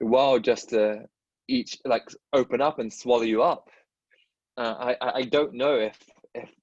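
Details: Adult dentist who stutters, speaking in a podcast conversation with another dentist who stutters; stuttering.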